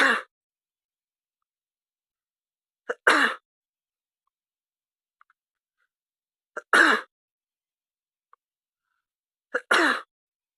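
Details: Person with a cold (pilek) wearing an oxygen mask: four short, sharp expulsive bursts, each preceded by a brief intake, with silence between; sneezing.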